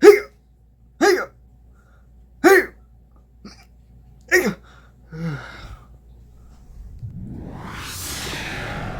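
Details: Acted hiccups in a comedy sketch, a bad case of hiccups: four to five sharp, short hiccup sounds spaced irregularly a second or more apart, followed by a rising swoosh effect.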